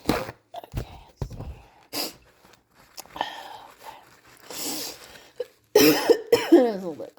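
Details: Several scattered short coughs and throat clearing with sniffing and breathy sounds, then two louder coughs near the end; person attempting to induce sneezes with a paper towel tip, reporting chest pain.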